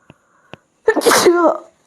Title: Sneezing Challenge Part-2🤧🤧|| Most Viral Challenge|| #sneeze #dailyvlog #sneezing